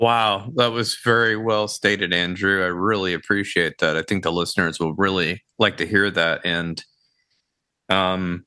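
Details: Adult male speaker; ordinary speech.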